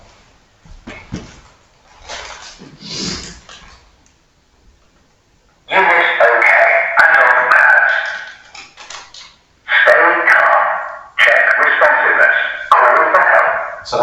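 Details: Automated external defibrillator (AED) voice prompts.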